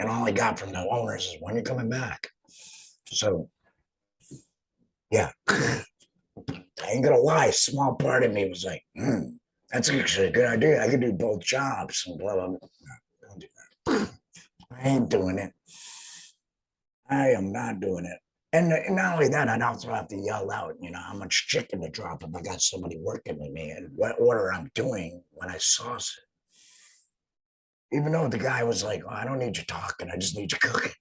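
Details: Adult man, a laryngectomee who has returned to work after total laryngectomy surgery, speaking with an alaryngeal voice; finding: alaryngeal speech after total laryngectomy.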